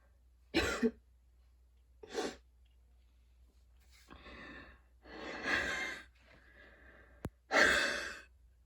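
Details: Wheezy coughing fit after a run, with freshly cut grass outside (allergies) and fatigue: several harsh coughs separated by long, strained, noisy breaths with a faint whistling quality.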